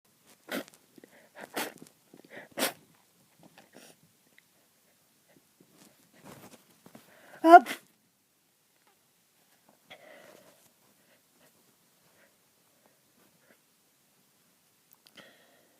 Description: So i have come down with a cold... Again! Feeling pretty sneezy!